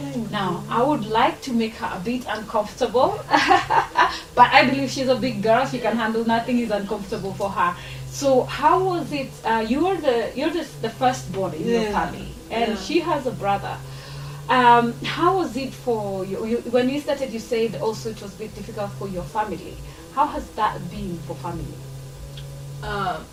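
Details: Adult woman speaking; normal speech.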